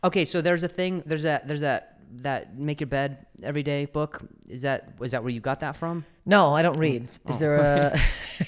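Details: Stuttering in an adult male comedian, speaking in a podcast conversation.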